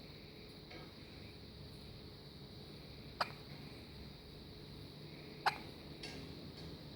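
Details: Two sharp, brief clicks about two seconds apart against quiet room noise, from a baby's stomach; infant hiccups.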